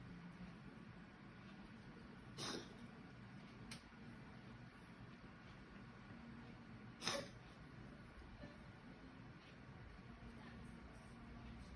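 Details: Dog coughing: two short, sharp expulsive coughs over a quiet room hum.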